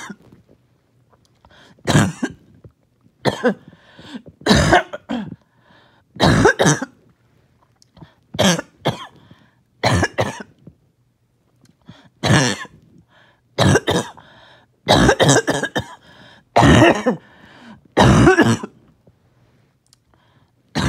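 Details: About a dozen rough, congested cough bursts with throat clearing in uneven clusters; first coughing fit of the day, wet cough with mucus that would not come up.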